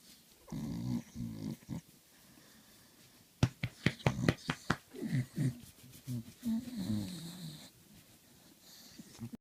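Rapid run of sharp, explosive nasal bursts from a dog, between snuffling and throaty sounds: a bout of sneezing.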